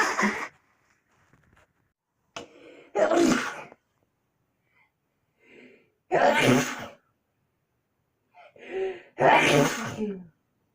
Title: A full week of my sneezes